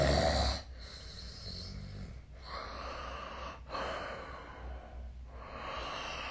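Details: Nightly sleep snoring recorded 2025/03/28 with a snoring app, with rough, rattly breaths about every 1.5 seconds and brief quiet gaps between.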